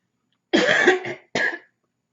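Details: Adult with a cold and a really bad cough: two harsh, loud cough bursts with a rough, barking quality, a barking cough.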